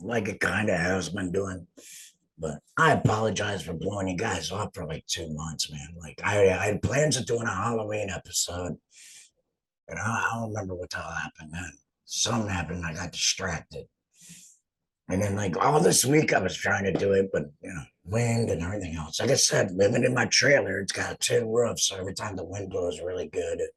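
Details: Adult male laryngectomee host speaking with an alaryngeal voice; alaryngeal speech after total laryngectomy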